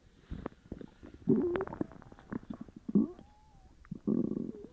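Loud gurgling and squeaky rumbles from the gut, borborygmi from an upset stomach.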